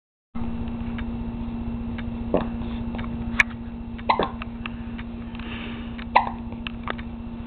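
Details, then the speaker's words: Baby girl who gets hiccups constantly, even in the womb, having hiccups again: brief, sharp hiccup sounds, about five in seven seconds, over a steady background hum. "here's our little hiccup Queen having the hiccups again she gets the hiccups a lot oh poor baby just trying to get rid of this hiccup"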